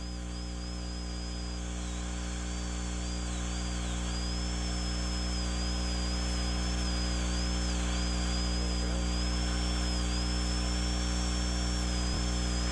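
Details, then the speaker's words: Child's mandibular left second primary molar prepared for stainless steel crown under rubber dam: high, thin wavering dental drill whine over low room hum as the bur reduces the distobuccal cusp from the tip using guide cuts. "Reduce the distobuccal cusp, starting at the tip, and using the guide cuts to determine the amount to be removed."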